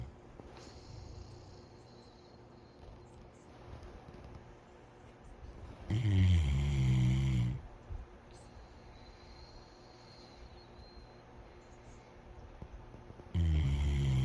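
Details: Two loud, deep, rattling snores separated by quiet breathing; typical snoring.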